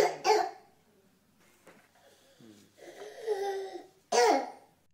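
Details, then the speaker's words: Croup (laryngotracheobronchitis) in a young child: harsh, brassy, seal-like barking coughs with noisy breathing between them; croup also features loud inspiratory stridor, mild fever, worse at night. "the child might be tolerating oral intake it'll look like a nerdy and smell like a nerdy except they'll have some loud inspiratory stride or breathing in and the classic harsh brassy or often described a seal-like cough which we'll hear some of now"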